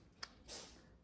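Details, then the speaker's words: A faint click, then a brief soft hissing burst of air in a quiet room: a single small sneeze from a pet cat. "oh our cat is sneezing can you hear that bless you"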